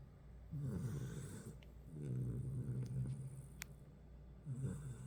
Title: Cane Corso puppy and Great Dane sleeping. Hear the snoring 😆